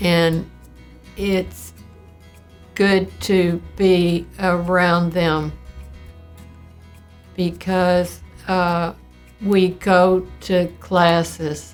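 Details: Elderly woman, recorded in 2019, with primary progressive aphasia (neurodegenerative, not stroke), which began with word-finding difficulty; she is in an aphasia communication program credited with slowing decline, and died at 80 after a 5-year-8-month course: primary progressive aphasia.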